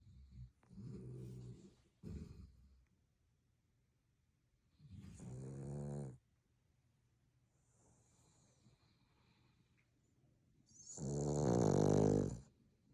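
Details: Sleeping Boston Terrier puppy: irregular snorting snores on inhalation separated by quiet pauses, the last loud and rattling; snoring in a short-nosed dog.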